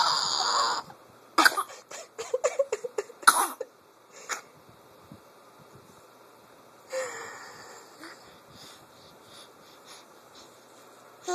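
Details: Baby's bursts of giggling give way to high, whistling breaths, wheezing heard with laughter.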